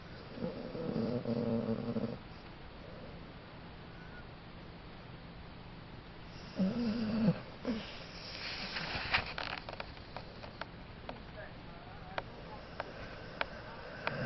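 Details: Dog deeply asleep after a big day, snoring unusually loudly, more than the owner has heard before: two long, loud, rumbling snores with quiet stretches and faint clicks between.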